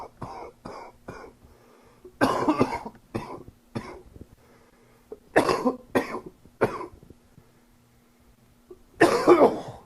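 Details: Cough from a summer cold: about ten short, loose coughs in small clusters, with a faint steady hum behind them.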